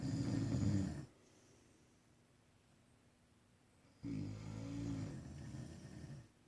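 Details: Snoring: low rumbling snores on the in-breath separated by a quiet gap of about three seconds.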